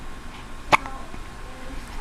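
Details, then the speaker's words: Newborn boy almost 1 week old, who hiccups all day long and is moving his arm: a single brief, sharp hiccup against soft room noise; hiccups. "You still have the hiccups? This is what he does all day long."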